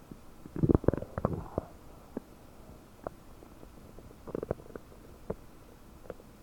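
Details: Stomach noises about 9 hours after eating 30 prunes, recorded with a desktop microphone, abdomen bubbly and bloated; finding: borborygmi.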